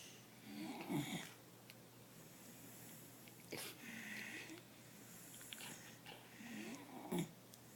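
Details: A sleeping female puppy snoring, with soft rattling snores and squeaky whistling notes on each breath; the owner remarks that she needs her tonsils.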